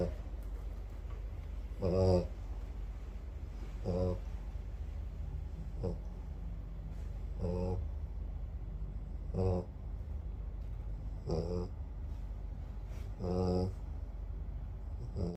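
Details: Bully-breed dog (tagged exotic/American bully) in deep sleep, snoring: short snorting snores at irregular intervals, roughly every two seconds, over a steady low hum.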